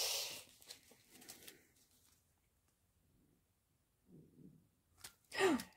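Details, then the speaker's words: A hungry adult's stomach gurgles audibly while they talk: bowel sounds (borborygmi) from hunger. "que vous entendez port j'ai mon ventre qui gargouille j'ai faim"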